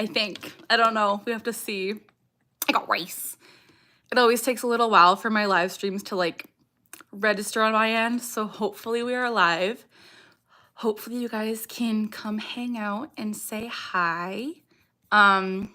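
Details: Young woman with Tourette syndrome whose speech is interrupted by her vocal tic "I got rice"; other vocal tics barking and "ha", motor tics facial grimacing and eye blinking; Tourette syndrome with vocal tics.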